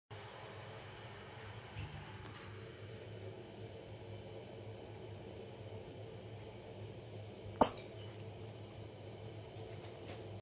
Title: rare cat sneeze